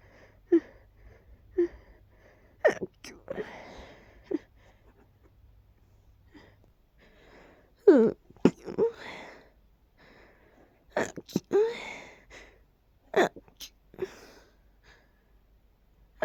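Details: Person sneezing immediately after waking up, suspecting allergies: repeated sharp sneezes, about five or six, each with a quick intake before the burst, in a quiet room.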